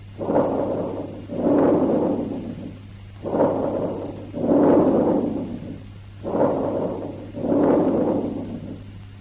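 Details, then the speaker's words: Bronchovesicular breath sounds, intermediate between vesicular and bronchial: expiration louder, longer and higher-pitched, with no pause between inspiration and expiration; heard with the stethoscope diaphragm, patient preferably sitting or standing. "The bronchovesicular breath sounds have characteristics intermediate between the vesicular and the bronchial breath sounds."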